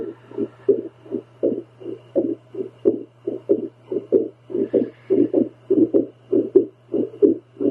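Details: Adult female listening to her own heart with a home heartbeat Doppler while doing paced breathing to calm down: fast whooshing beats with uneven spacing; heart slows a little but mostly very irregular rhythm; irregular heartbeat.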